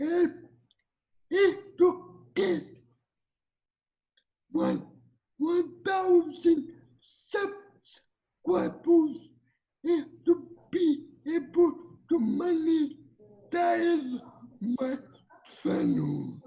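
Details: 22-year-old man with cerebral palsy affecting mobility; dysarthria in cerebral palsy.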